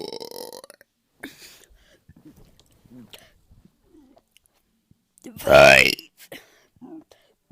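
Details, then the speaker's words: Deliberate burp made by swallowing air and pushing it back up, during a burping tutorial and challenge: soft voice sounds, then one loud, drawn-out burp lasting about a second; belching. "so so how you is you kind of swallow air down here and then you just and then you would like try to push it back up kind of"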